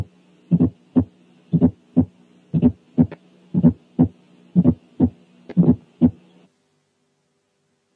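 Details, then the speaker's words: Fourth heart sound (S4): soft, low-pitched extra sound just before the first sound, usually lower in intensity than S1; regular heartbeat near 60 per minute. "ثانيا الأولاني كان فورث ساوند والتاني كان إيجكشن كليك."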